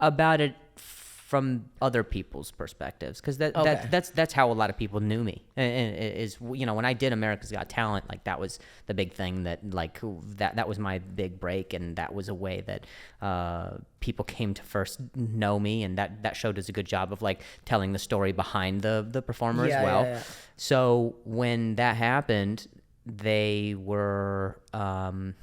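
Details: Stuttering in an adult male comedian who stutters, speaking in podcast conversation.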